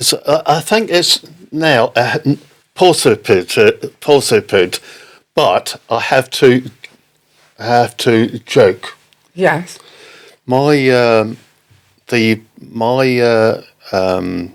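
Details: Non-fluent post-stroke aphasia in an adult man, stroke in October 2019, which he attributes to Broca's area; word-finding pauses and fillers.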